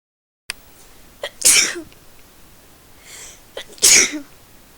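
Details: A person attempting thirty sneezes in a row on request: two sharp, explosive sneezes about two seconds apart, each preceded by a brief intake of breath.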